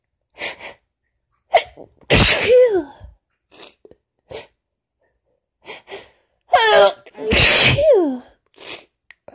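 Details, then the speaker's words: Person with lingering cold plus allergies, sneezing fits winding down: two forceful sneezes, each preceded by a voiced gasping intake, with quiet sniffs and breaths between them. "Tickle is pretty much gone, but a few remnants left, I think. A few sneezes yet to come."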